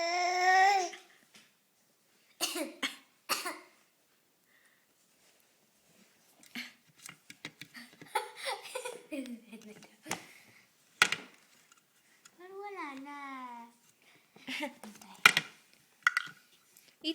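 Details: A 7-month-old infant makes short, deliberate cough-like bursts between coos and babbles; playful voluntary fake cough.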